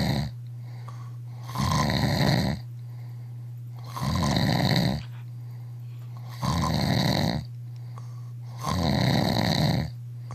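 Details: Man snoring after going 24 hours without sleep: loud, harsh, rattling snores at about 27 breaths a minute over a constant low hum; heavy snoring.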